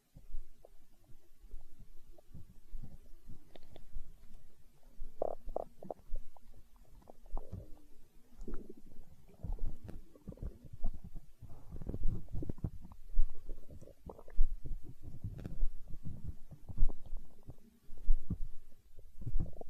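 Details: Stomach growling in hunger, tagged as empty-stomach sounds in an ASMR recording: continuous low gurgling and rumbling with bubbling pops throughout, normal borborygmi.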